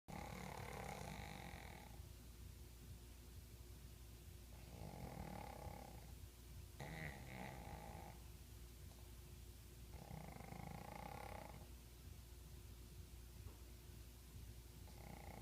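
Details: Two sleeping pug dogs: rough, rattling snores roughly every four to five seconds over a low steady room hum; ordinary snoring.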